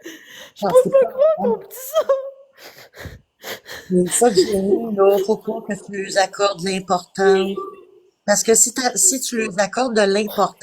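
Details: Adult woman speaking French, live-stream call; normal speech.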